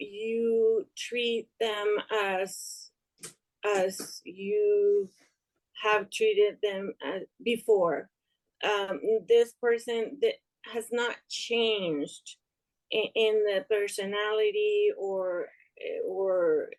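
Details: Young adult woman with aphasia after an ischemic stroke in March 2020 that left her unable to speak and affected her right side; still recovering, struggles to find and express words; aphasia.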